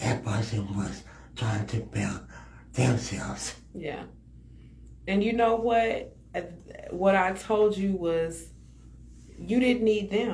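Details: Adult speaker; ordinary conversational speech.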